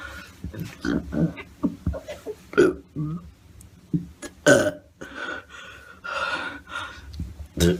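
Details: Burping: a series of deep, gurgling belches from the throat, several in a row over a few seconds, with brief pauses between them.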